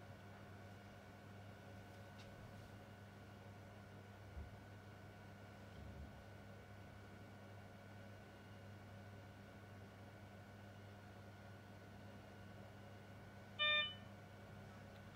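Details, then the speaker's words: Northern Meditech Taurus E+ patient monitor just after power-on: quiet room hum, then one short tonal electronic beep as the alarms sound. "so first off you can hear the alarms going off so at the bottom here you've got a yellow silence alarm"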